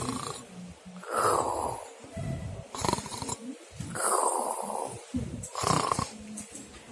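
Loud, rough, rattling breaths about 20 a minute, heard on both breathing in and out; heavy snoring.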